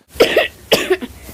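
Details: Child with chronic persistent wet cough, a mucousy, phlegmy cough presented as a serious warning sign in the context of bronchiectasis, needing urgent medical attention.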